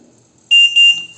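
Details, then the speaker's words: Trilogy home ventilator keypad, alarm-silence and down-selector buttons pressed and held together to open the settings menu: two loud high-pitched electronic beeps. "Basta, ao mesmo tempo, vocês clicarem no botão silenciador de alarme e no botão seletor para baixo. Clique e segura."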